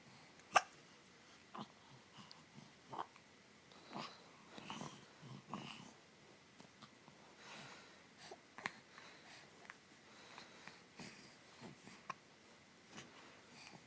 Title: 4 month old baby has hiccups